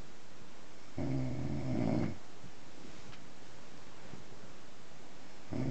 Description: here is a short video of my partner snoring in bed.